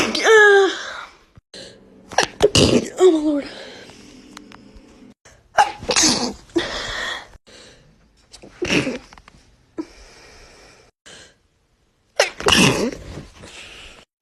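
Several loud, explosive sneezes with sharp intakes of breath between them, and brief murmured talk in a quiet room.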